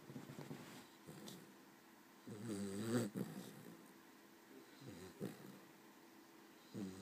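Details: Low, rumbling snores recurring with slow breaths from a small female Cavalier dog asleep and resting after a long day in a quiet room; snoring.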